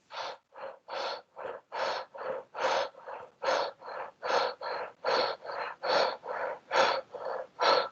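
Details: Voluntary hyperventilation.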